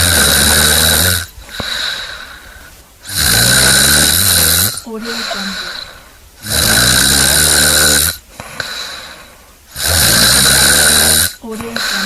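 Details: Loud, harsh rattling snores on each inward breath, about 18 breaths a minute, with a softer snort on the outward breath; snoring from a compilation.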